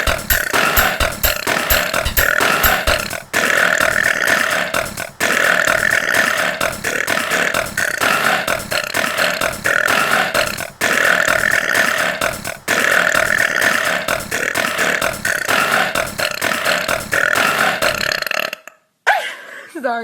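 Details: Loud, repeated burps from a female singer looped in rhythm over an electronic dance techno beat; burping set to music.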